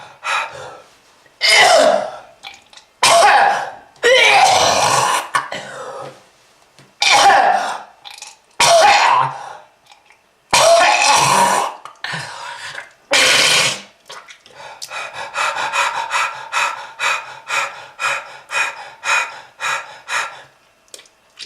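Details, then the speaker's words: Acted harsh smoker's cough portraying lung disease from smoking, with red coughed up: bouts of harsh, wet-sounding coughing and throat clearing with gasps, ending in a rapid run of short hacks. "uh that red color is not from fruit punch kids if you want this to happen to you just keep smoking this is lung disease"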